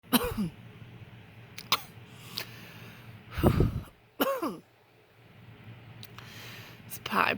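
An adult gives several short, acted coughs mixed with brief voiced sounds in a quiet room.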